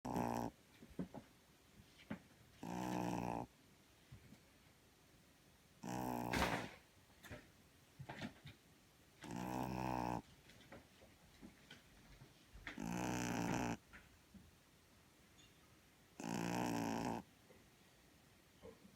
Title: Tenor Snore